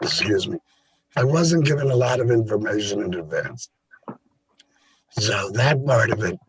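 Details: Adult with a total laryngectomy related to cancer who now helps other laryngectomees; voice method not stated; alaryngeal speech (laryngectomee).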